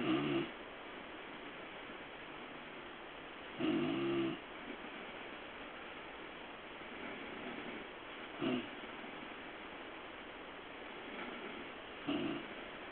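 Soft rasping snores from a sleeping cat, about four in the recording, over steady background hiss.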